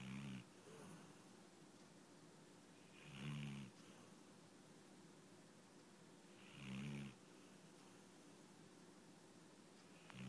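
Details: A yellow Labrador dozing gives regular low rumbling snores about every three and a half seconds, roughly 18 breaths a minute, with quiet pauses between; ordinary sleep snoring.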